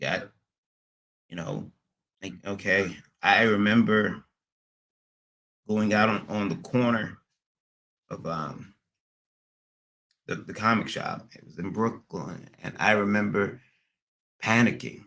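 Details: Man with acquired stuttering after a transient ischaemic attack around February 1, MRI showing some damage; speech not fully recovered, stutters occasionally; receiving physical, occupational and speech therapy and seeing a neurologist.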